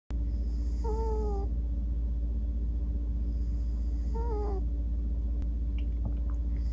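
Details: Snoring from a sleeping cat, sometimes sounding like a little horn or trumpet tooting as he falls asleep; he fidgets as he dreams.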